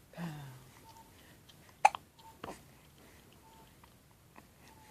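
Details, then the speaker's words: Young nursing child with hiccups: two short, sharp hiccup sounds in quick succession, then soft room noise; a normal hiccup episode. "Is it wrong that I want to record you having the hiccups? Is it mean, Mommy? Big hiccups."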